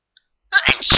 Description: only a few morning sneezes for you and a single blow